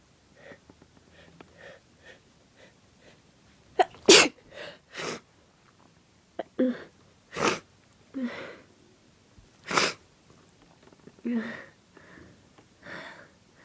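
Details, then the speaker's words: Person sneezing after deliberately sniffing pepper, nose tickling and burning: a long, unbroken run of repeated sharp sneezes, some preceded by a gasping breath; a bout of irritant-induced sneezing. "I need to sneeze. It's tickling so bad."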